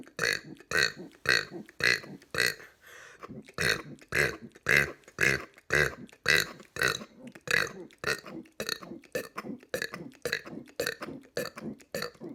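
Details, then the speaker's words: Deliberate belching during a 200-burp challenge: a rapid run of about twenty voiced burps in quick succession, almost two per second. "today we're gonna be doing 200 verbs they're not gonna be mega burps but they're still"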